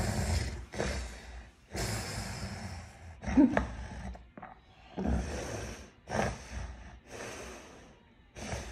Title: Tonic clonic seizure and postictal period